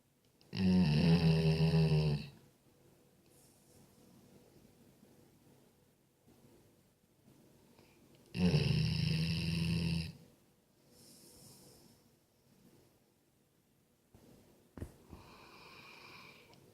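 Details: Sleeping Golden Retriever dog: two loud, low, rattling snores, each about 1.5 seconds long, with quiet breathing in between; snoring.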